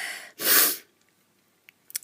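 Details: A person feeling run down and unwell, with some coughing, gives a single sharp, high-pitched sneeze after a short in-breath, followed by faint sniffs; sneeze.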